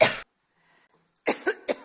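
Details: Adult woman, coughing during a public appearance after saying her voice is failing: a single cough, a pause, then a quick run of three dry coughs.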